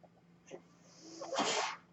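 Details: A man's own ventilator heard while he records a podcast: home mechanical ventilator cycling.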